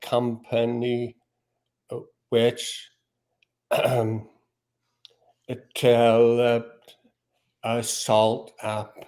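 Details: Man with aphasia after a stroke in June 2020; initially unable to speak or read, speech since recovered with app-based practice; halting speech with fillers and word-finding pauses; aphasia after stroke.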